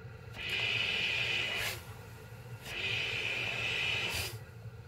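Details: Steady hissing airflow rising and falling in two long cycles, about 26 a minute, from a CPAP sleep machine running on a portable power bank's AC outlet during a power test.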